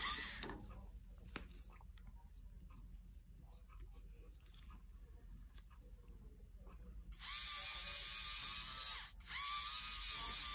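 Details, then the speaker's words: Canine dental polishing: quiet handling noise, then high buzzing motor whine with a brief pause from a prophy polisher's rotating cup on a dog's teeth, cup refilled with polish about every tooth. "I want to refill the cup on this polisher about every tooth or so"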